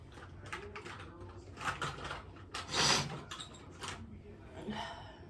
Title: How to sneeze nonstop! (Part 3)